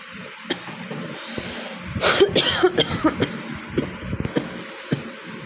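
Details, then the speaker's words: Real cough from a bad cold: a run of short, irregular coughs over faint room noise. "তো এখন আমি একটু real cock হয়েছে বলে রিয়েল কক চ্যালেঞ্জটা দেখাচ্ছি তোমাদের। বেশি করবো না। তিন মিনিটের করব।"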